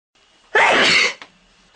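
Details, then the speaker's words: Single loud, explosive sneeze in a quiet room, in a person who says they have allergies and names ragweed as the trigger; allergic sneezing. "I have allergies. I have to sneeze. Ragweed. Ragweed. I have to sneeze."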